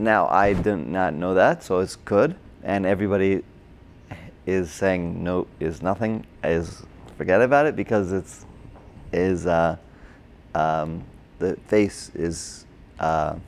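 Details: Broca's (expressive) aphasia in an adult man, a former paramedic, caused by a stroke during heart surgery in 2007, about 10 years earlier; difficulty with names, numbers, reading and writing; had speech therapy, OT and PT after the stroke.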